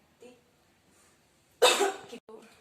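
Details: Nursing student procedure demonstration on a female patient: after two breaths with the third held, one strong forceful cough burst then a short exhalation, an acted effective cough technique for clearing sputum.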